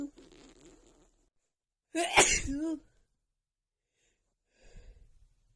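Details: Female with pollen irritating her nose, in an uncontrollable sneezing fit: a breath in, a loud explosive sneeze with voiced tail, then a softer sneeze.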